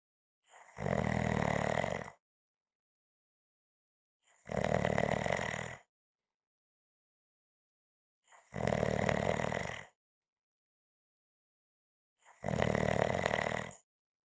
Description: This is a 5 minute clip of snoring.